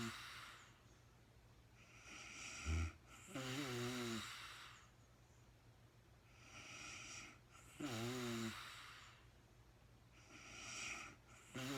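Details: Real-time recording of a woman snoring during sleep, no talking, very tired and falling asleep: slow, noisy rattling, buzzing snores about 15 a minute with faint airy breathing between; snoring.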